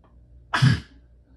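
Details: Forceful single sneeze, sharp explosive burst of air and voice after a brief quiet intake, part of a strong sneezing fit during illness.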